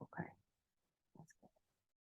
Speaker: what are you referring to my dog having some kind of asthmatic attack oh yeah I just found out about uh reverse sneezing in dogs